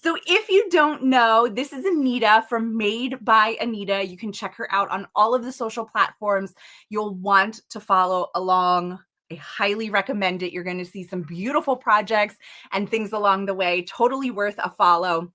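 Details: Adult woman speaking; Normal voice.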